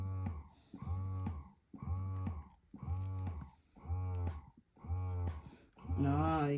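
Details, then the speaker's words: Electric breast pump switched from stimulation to expression mode: steady rhythmic motor hum rising and falling about once a second, strong long suction pulling at the nipple; cycle speed decreases as level and suction increase. "so you can see it really pulling in at the nipple and producing a much stronger and longer suction now with expression on this pump the cycle speed does decrease as the level increases the cycle speed decreases and the suction increases"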